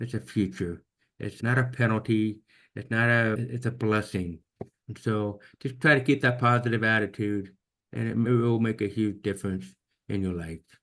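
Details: Man almost 50 with severe to profound hearing loss since birth, diagnosed at age 2, orally trained with about 13 years of speech therapy; finding: deaf speech (speech of a person with severe to profound hearing loss).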